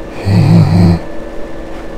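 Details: Patient saying "he" during pre-surgical videostroboscopy, with the right vocal fold paralyzed after a skull-base chondrosarcoma compressed its nerve, treated with radiation and tumor surgery; breathy voice from unilateral vocal fold paralysis.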